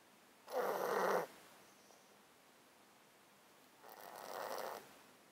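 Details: Close-up mic recording of a cat sleeping in a box, with a 13-year underlying disease causing constant snottiness and sneezing: slow, noisy, wet, snoring-like breaths through a blocked nose. Congested breathing.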